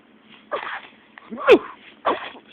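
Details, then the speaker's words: Baby sneezing: a few short breathy bursts with one sharp, sudden sneeze in the middle. "got the sneezes. Do you feel better now?"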